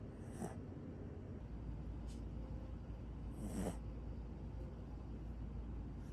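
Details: Two hissy, snorting breath sounds about three seconds apart over a steady low rumble: a sleeping pet snoring softly.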